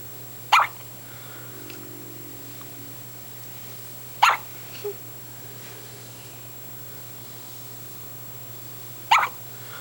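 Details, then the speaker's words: Daughter with hiccups: three brief, sharp, high-pitched hiccups a few seconds apart that sound like a little puppy barking, over a steady background hum. "just got the hiccups right now. That's so cute. It sounds like a little puppy barking."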